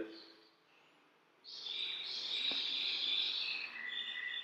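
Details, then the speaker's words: Real clinical case of continuous ultrasonic root canal irrigation: a size 15 file activates and irrigates at the same time, clearing debris from the coronal third. A thin, steady, high-pitched hissing whine follows a quiet moment. Ultrasonic endodontic device running. "here we are with the help of 15 size nitra file we are performing irrigation and activation simultaneously and we can see the debris getting clear"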